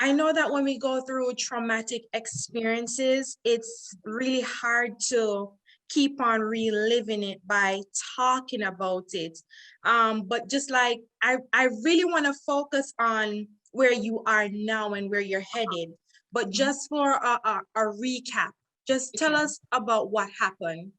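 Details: Adult female interviewer; normal speech.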